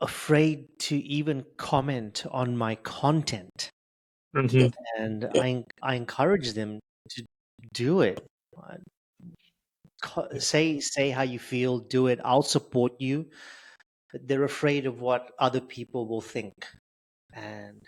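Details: Adult male with stuttering since age 10, reporting blocks, prolongations and repetitions; stuttering.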